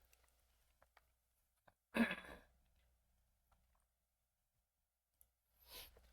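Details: Throat clearing.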